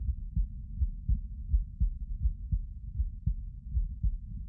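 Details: Normal heart sounds recorded lying down: regular low thumping heartbeat, about 80 beats a minute, with a soft background hum.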